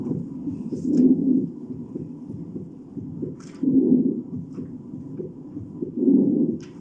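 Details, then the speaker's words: Teaching example of normal vesicular breath sounds heard over the lung periphery: soft, low rustling breaths, mainly inspiratory with a longer inspiration, and expiration barely audible. "la inspiración es muy bajita y a veces ni la escuchamos Entonces elular es un sonido eminentemente inspirator"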